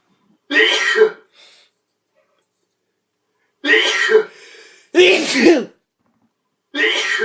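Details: Sneezes from apparently two individuals compared against each other: several loud voiced bursts with sharp onsets separated by silence, possibly forceful throat clearing; sneezing.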